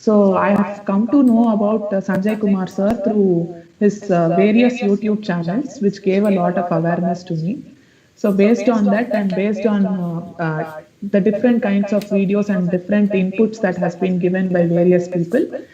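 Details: Puberphonia (mutational falsetto) in a male student with a high-pitched, feminine-sounding voice for 5–6 years; pre-therapy recording made on the voice therapy assessment day.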